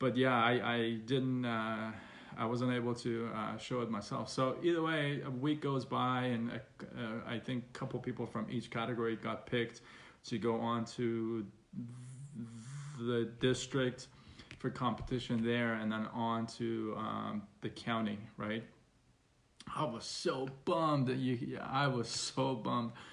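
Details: Stuttering in an adult man, onset around age six, persisting though reduced after speech therapy.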